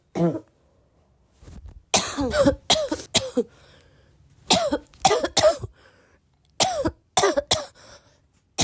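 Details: Person still sick with a barking cough: repeated bursts of harsh coughing in clusters of two or three, with throat clearing in between; frequent cough during illness.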